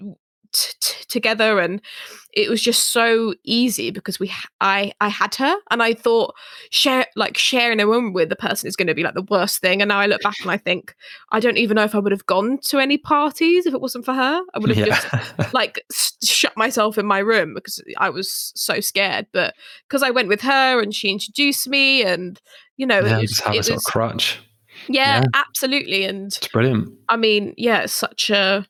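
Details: Adult female who stammers; stammering.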